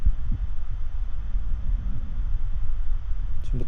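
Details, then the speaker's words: Brachycephalic dog at rest, BOAS functional grade 0, recorded over the larynx with a digital stethoscope: near-silent airway with only a low background rumble and no snoring or stridor, normal upper airway sounds. "이건 그레이드 0 인 환자 동영상을 먼저 보시겠습니다 기다려야 돼 38 래스팅 상태죠 거의 소리가 안들립니다"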